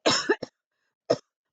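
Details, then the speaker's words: Adult with COVID-19 confirmed by nasal and throat swab, sick over a month, at home: two quick harsh dry coughs then a third after a short pause. "I felt like I was getting worse the cough was like like this but like non-stop to the point where I had a hard time catching my breath"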